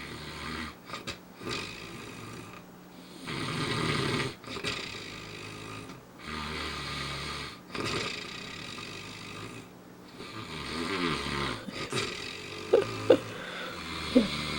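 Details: Adult father snoring while an infant sleeps on his belly, rising and falling with his breaths: harsh, rumbling breaths in irregular bursts with brief snorts and short gaps, over faint room noise; snoring.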